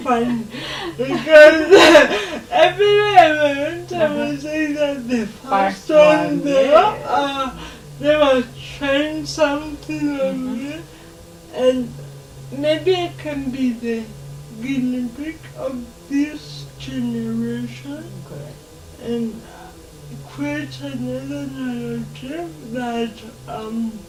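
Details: Dysarthria in a 27-year-old woman with lifelong cerebral palsy who moves around independently, in a real TV interview.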